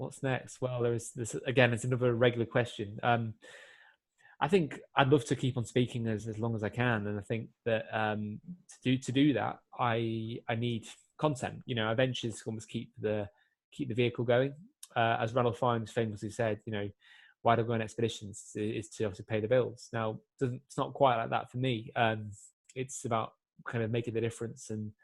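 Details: Adult man who has stammered since he began speaking, also has epilepsy, and can still get complete blocks; stuttering.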